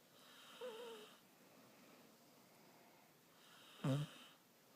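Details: Light snoring: two brief, soft, whistling snores separated by quiet breathing, from a female sleeping with her head on the recorder's shoulder.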